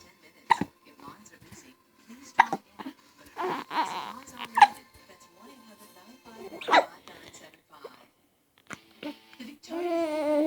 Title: My little boy hiccups